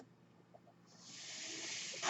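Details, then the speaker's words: Man speaking on his podcast while on a mechanical ventilator: a quiet pause, then a steady rising hiss of airflow for about a second, ending in a brief louder puff as it delivers a breath. "My name is. That noise you're hearing is my ventilator, and thank you for tuning in."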